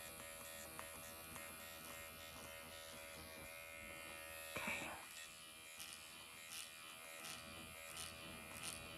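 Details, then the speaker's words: Steady high-pitched electric buzz with faint clicks: MD Needle Pen microneedling the face at 1.5 mm depth with repeated motions then cross-hatching, under strong numbing ointment; not bloody. "I'm gonna take it up to 1.5. Do the same motions. And then cross hatch."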